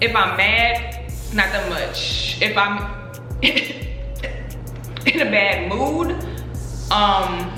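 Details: Adult woman speaking about her own stutter; stuttering.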